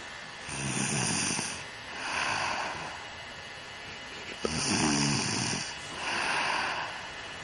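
Slow, regular rasping breaths, each roughly a second long, with a fluttering rattle on some breaths: snoring.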